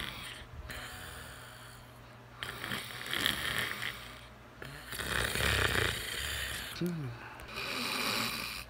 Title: When your own snore wakes you up!